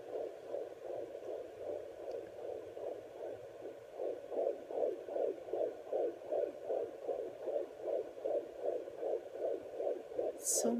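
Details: Rapid, regular whooshing pulses on a home Doppler, about 130-150 a minute, a strong fetal heartbeat heard by the pregnant mother after two weeks without listening, louder than before; normal fetal heartbeat.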